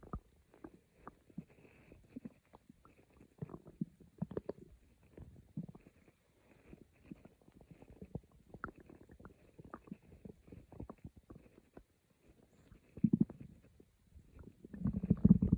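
Quiet, irregular gurgles and low rumbles from the belly, louder toward the end; ordinary stomach growling from moving gas and fluid.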